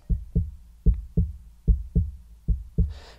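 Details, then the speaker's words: Normal heartbeat in an educational demonstration of lub-dub sounds from valves closing, regular paired lub-dub at about 75 beats a minute with no extra sounds or murmur: normal heart sounds. "The classic sound of the heart beating, the baboom, baboom, baboom, is a result of certain valves in the heart slapping shot at certain times when the heart pumping, this is called the lub dub sound. A normal heartbeat sounds a little like this."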